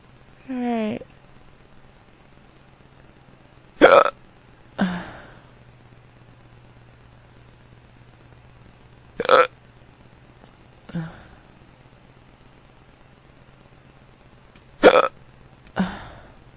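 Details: Drunk man with powerful hiccups: sharp voiced hiccups about every five to six seconds, some followed by a softer gulp or burp-like sound.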